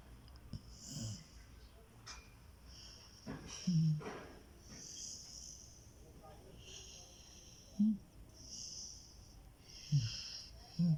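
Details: Sleeping husky dog snoring with short low snorting rumbles at irregular intervals over quiet room noise.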